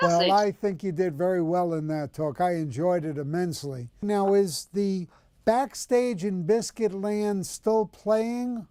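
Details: Adult male speaker; normal speech.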